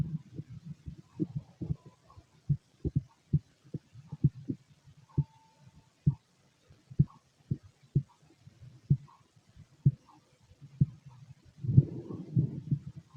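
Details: Soft, low, fairly steady thumps at roughly 60 beats a minute with faint background rumble; heartbeat recorded alongside empty-stomach noises.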